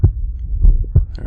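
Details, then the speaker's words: Person's own heartbeat recorded with an Echo stethoscope, then frequency-adjusted and gain-boosted in editing software: deep, muffled thumps; normal heart sounds. "Now that we can hear our heartbeat a little better, we're going to listen through and find where the best section of the heartbeat is."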